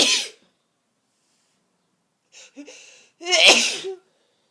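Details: Forceful sneezes with build-up: the end of one sneeze, a pause, then a stuttering, breathy build-up ending in a forceful, explosive sneeze.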